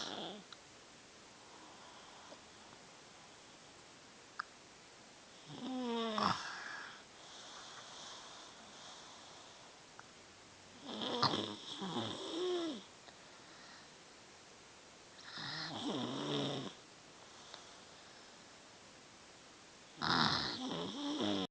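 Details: 3-year-old child snoring on a good night (usually much worse): rough, rattling breath noise about every five seconds, roughly twelve breaths a minute.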